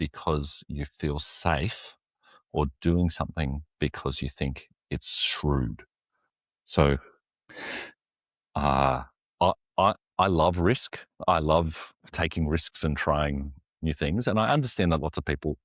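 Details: Stuttering in an adult man, an executive pastor who says he has a stutter and lives and ministers with it; word repetitions occur in his speech.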